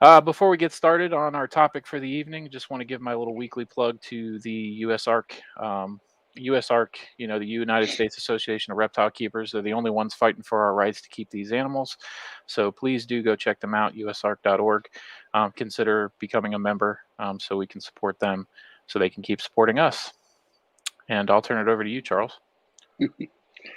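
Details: Adult male speaker; Normal voice.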